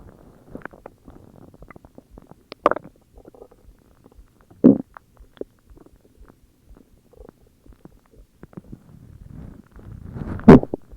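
Quiet, scattered low gurgles and clicks with a few louder rumbling bursts; ordinary stomach growling (bowel sounds).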